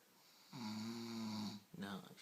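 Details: Adult woman snoring in her sleep after drinking a full box of wine, sucking her thumb: one long, buzzing snore, then the start of a second, in a quiet room.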